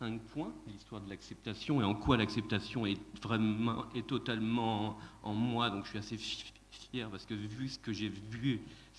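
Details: Adult man who stutters and calls himself a person who stutters, speaking French at a stuttering colloquium; audible repetitions; stuttering.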